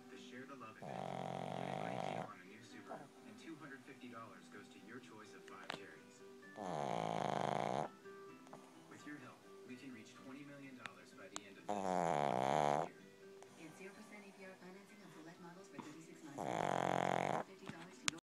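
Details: Snoring during sleep: four rough snoring breaths about five seconds apart over background music and talk.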